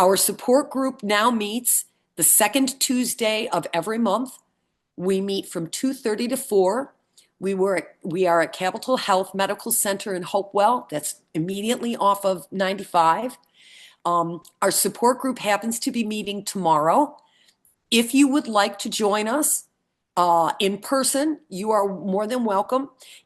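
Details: Adult woman speaking; normal speech.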